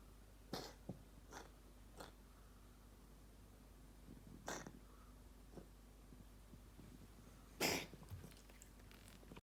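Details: A small pet named Manuka gives several short, sharp coughing bursts, the loudest near the end, in a quiet room: cough.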